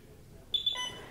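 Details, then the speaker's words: Alaris IV infusion pump switched on with the system on button during a primary-tubing priming demonstration gives a short electronic beep and then a second falling tone; power-on beep. "now we're ready to go over to our eleris pump and turn it on we're gonna turn it on right down here in the corner where it says system on we're gonna press the button"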